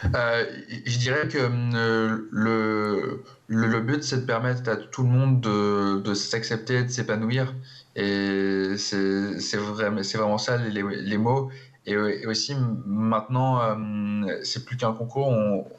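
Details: Stuttering in an adult who stutters and presides over a stuttering eloquence competition.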